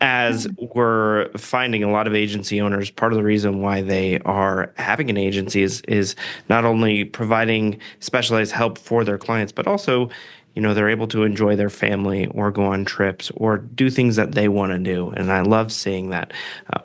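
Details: Adult male speaker; ordinary speech.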